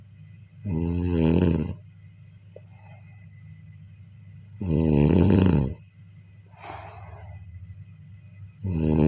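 Deep, rattling snores about every four seconds, roughly 15 a minute, over a steady low hum. Ordinary snoring.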